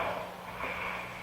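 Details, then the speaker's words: A brief rough, noisy snore over a steady low hum, played as a clip on a radio talk show; snoring. "Just listen to a little snoring. Okay, let's listen to some snoring."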